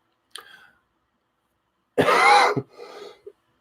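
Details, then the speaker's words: Adult with influenza A coughing: a faint short throat sound, then one loud harsh cough with a rough trailing exhalation; cough. "Talking will be frequently interrupted by me and my lungs attempting to make their way to freedom."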